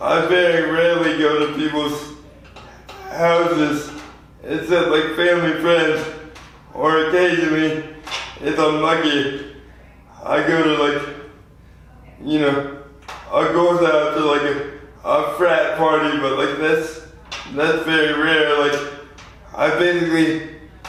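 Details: 24-year-old man with lifelong spastic quadriplegic cerebral palsy from premature birth at 2 lb 4 oz; spastic dysarthria (cerebral palsy).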